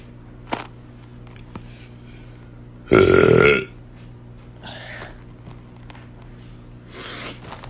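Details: A woman's single loud, rough belch under a second against a steady low hum, from a compilation of deep burps; burping.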